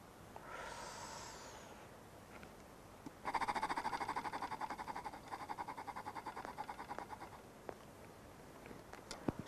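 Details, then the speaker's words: Breathy exhalation, then fading fluttering rattle of rapid pulses: Acapella oscillating PEP airway-clearance device for cystic fibrosis, demonstrated incorrectly with loose cheeks and poor mouth seal, so no chest vibration. "so i will be showing the wrong over blowing into the acapella by keeping your cheeks loose is an incorrect way"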